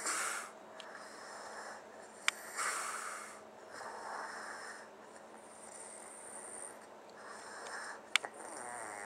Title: Snoring after SPRING BREAK FEVER 4